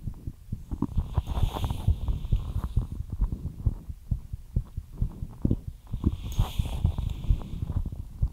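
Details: Fast heartbeat after light exercise: rapid, steady low thumping at roughly 130 beats a minute, a normal fast rate.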